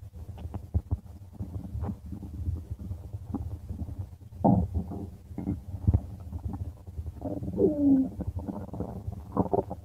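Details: Low gurgling rumbles and brief squeaky gurgles from the belly; stomach growling, normal bowel sounds (borborygmi).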